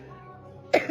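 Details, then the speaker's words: Adult woman's single abrupt cough after quiet; cough has lasted five to six weeks despite prednisone and antibiotics. It was called allergy, asthma, then bronchitis, with no pneumonia, and she has nasal discharge. Chronic cough, cause undetermined. "Yeah, guys, it's now officially week five, week six that I have this nasty cough."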